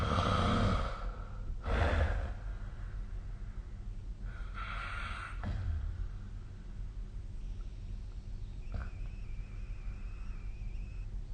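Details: A sleeping adult snoring, recorded with a snore-tracking app: noisy, rough breaths with snorting, snore-like sounds over a low steady room hum.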